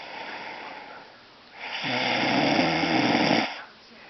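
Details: A person snoring during sleep: a quieter breath, then one long, rough, buzzing snore lasting about two seconds.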